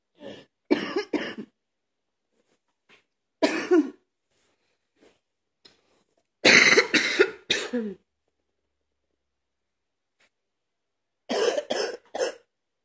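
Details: Man cleaning his truck, cough not getting better: four bouts of harsh, repeated coughing, each with two to four bursts, separated by quiet pauses; persistent cough.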